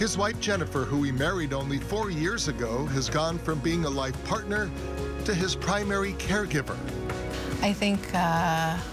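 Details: Adult news narrator over background music; ordinary speech.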